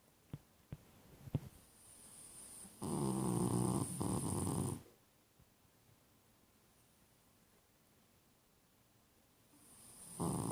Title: snoring